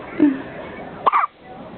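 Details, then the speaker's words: A baby girl who often gets hiccups: two brief, abrupt voiced catches about a second apart, each a sudden gulping squeak, fitting hiccups; faint room noise behind. "yeah you're the hiccups you're very silly"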